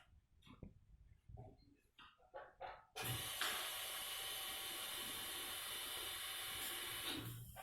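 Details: Nursing skills-lab demonstration of nasal suctioning on a male patient: scattered soft noises, then a steady loud suction hiss clearing mucus from the nose; breathing reported easier afterward; suction machine in use.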